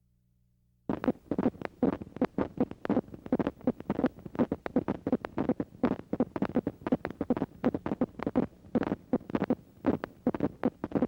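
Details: Myokymic discharges on needle EMG, from a university EMG laboratory teaching collection: repeated short crackling bursts grouped like marching footsteps. Seen in Isaacs' syndrome, demyelinating neuropathy, radiation plexopathy and timber rattlesnake envenomation.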